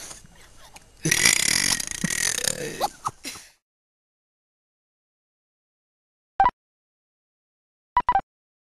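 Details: A young student deliberately burps the alphabet: one long, rough voluntary belch, then silence and a few faint short tones.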